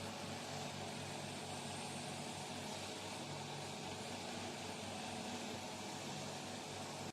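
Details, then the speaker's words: Nidec UNO 10 oxygen concentrator (10 LPM) producing oxygen: steady mechanical hum and airy rushing, running normally with no alarm. "So by switching it on, your machine will get on and it will start to produce oxygen."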